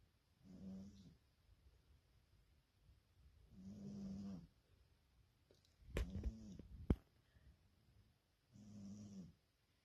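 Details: Snoring from a cat.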